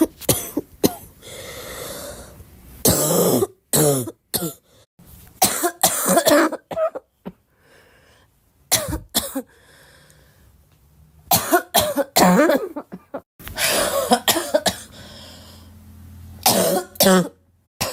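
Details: Repeated bursts of harsh coughing in clusters with throat clearing and quiet gaps over about eighteen seconds; plain recurrent cough, which the cougher says they love hearing and asks whether that is normal.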